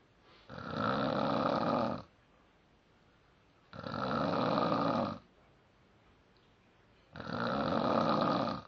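Three steady, rumbling snores about every three seconds with quiet gaps between: ongoing snoring during sleep.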